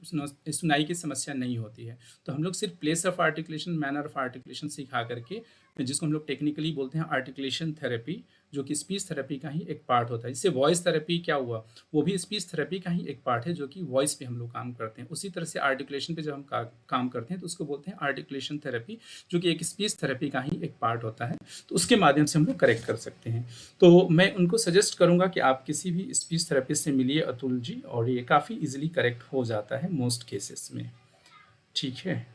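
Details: Adult speaker; normal voice.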